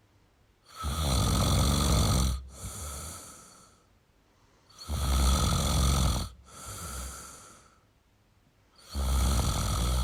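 Loud, harsh snores on each breath in with a softer breath out, about 15 breaths a minute. Heavy snoring in an adult man.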